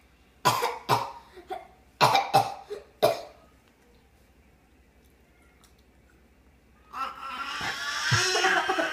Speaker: this is scary just do the choking sound again it was a coughing sound